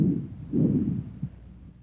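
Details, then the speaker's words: Normal bronchovesicular breath sounds, heard over the first and second interspaces anteriorly or between the scapulae: soft, intermediate pitch and intensity, with inspiration and expiration about equal in length and a silent gap that may or may not separate them. "Bronco vesicular sounds have an intermediate pitch and intensity inspiratory and expiratory sounds are about equal in duration and a silent Gap may or may not separate them"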